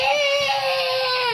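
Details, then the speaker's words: Young child, one of twins, crying after a quarrel with mommy: a sustained, high-pitched wail while the mother asks why the child is crying. "eh. Ba't naiyak? Naaway niya si mommy ' ba?"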